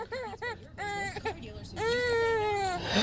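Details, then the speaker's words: Baby girl laughing at an adult's sneezing: short, rising-falling, high-pitched vocal sounds ending in a longer, drawn-out, cry-like wail. "so my sneezing is funny he laughing at that his peasy"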